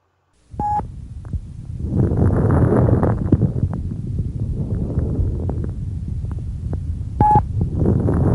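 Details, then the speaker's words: Fine crackles by chest auscultation, discontinuous explosive sounds: many brief, scattered popping clicks over breath sounds, as small airways snap open. "οι τρίζοντες ιχο είναι ασυνεχείς εκρηκτικοί ηχο οι οποίοι ανάλογα με τη συχνότητά τους μπορούν να διακριθούν στους λεπτούς και στους αδρού τρίζοντες ακούστε τώρα τους λεπτούς τρίζοντες"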